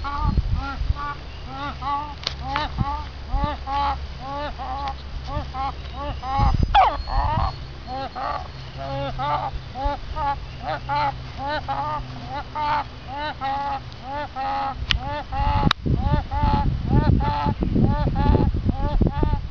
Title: Chicken wheezing and honking